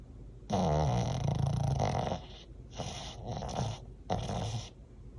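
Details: Loud rattling, rumbling snores in long bursts with short pauses, from a snoring dog.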